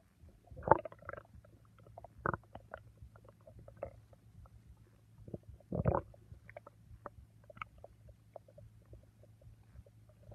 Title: Stomach sounds